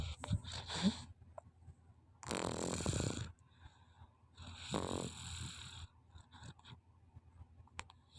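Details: Child snoring: two long, rough, rattling breaths about two seconds apart, with quiet room noise between them.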